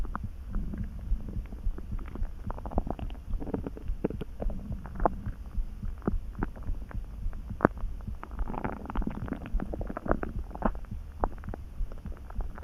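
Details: Hunger stomach rumbling while lying on a bed, sleepy and dozing: soft, irregular gurgles and calm churning rumbles from the belly.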